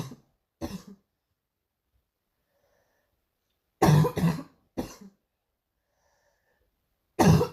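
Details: Girl coughing: six short dry coughs in scattered bursts, some in quick pairs, with silence between.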